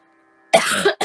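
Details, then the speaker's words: A girl in a coughing fit with repeated throat clearing: a single harsh cough burst after quiet, then the start of another. "Sorry, just hang on while I slowly die over here."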